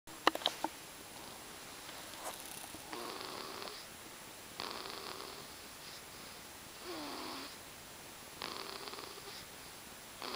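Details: Soft, regular, wheezy snores at about 18 breaths a minute over low room noise; snoring during sleep.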